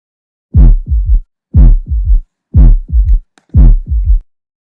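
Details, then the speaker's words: Teaching auscultation example: regular heartbeat at about 60 per minute in a triple rhythm, S1 and S2 plus a soft third sound from abrupt ventricular filling, usually not pathological; third heart sound (S3). "Tenemos un tercer ruido cardíaco que se va a ocasionar por el llenado brusco del ventrículo. Esto por lo general no es patológico."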